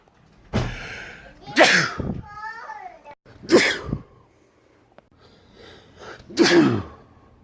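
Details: From a compilation of one person's own loud sneezes: about four loud, explosive sneeze bursts with brief voices between.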